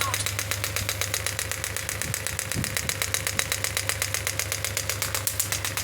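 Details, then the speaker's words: Rapid, steady, sharp clicks at about four per second over an engine-like hum from a pneumatic, air-compression extracorporeal radial shockwave therapy handpiece firing at a low energy setting before it is raised from 3 to 10 bar. "I have to uh start the same from pressing this button you can see I'm getting the shock W you can see the movement of my hand currently the energy is"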